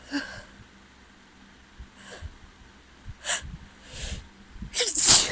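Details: Woman sneezing from cat allergy after being around a friend's cat, fan running in background: a run of several sneezes ending in a loud forceful one, faint breathing between.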